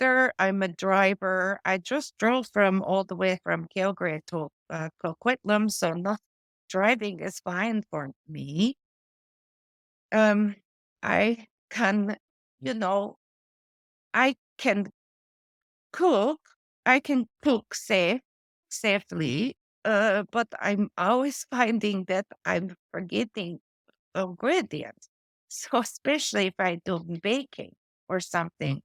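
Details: Adult woman with post-stroke aphasia from a stroke affecting her brain's language area, with word-finding difficulty and old-fashioned or inappropriate word substitutions. She also reports foreign accent syndrome, most noticeable but not the most affecting: aphasia with word-finding difficulty.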